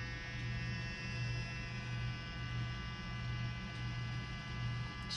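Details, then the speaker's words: Low, steady electric buzz of a small cheap nebulizer running in a quiet room, giving colloidal silver and filtered water to a cat with chronic nasal congestion and upper respiratory infection, one nostril blocked. "so i wanted to show you something that we do that seems to help and that's a nebulizer treatment i found this little nebulizer on ebay less than twenty dollars"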